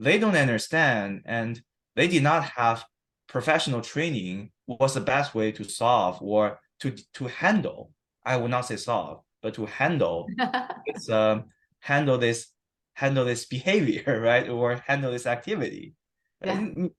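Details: Adult man who has stuttered since childhood, for about 15-20 years, recorded after 7-8 weeks of stuttering therapy. Word and phrase repetitions and filler words are present. Stuttering.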